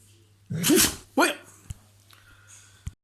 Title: Dog taking it nice and sneezey